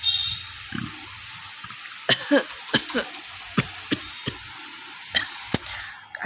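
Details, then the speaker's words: Real, not simulated, dry cough from an adult during a cough challenge: repeated short, sharp cough bursts with little rattle, faint laughter between bursts; dry cough. "তো ক মানে কাশি আছেই তো চ্যালেঞ্জটা চলো আজ আজে পুরো শেষ করে দেব"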